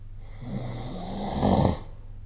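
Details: Snoring during sleep recorded with the SnoreLab smartphone app: a single rough, rumbling breath with low vibrating flutter building to a peak near the end.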